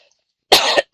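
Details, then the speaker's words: Adult woman who says she is losing her voice gives a single short, harsh cough burst, with quiet before it. "Je suis en train de perdre ma voix."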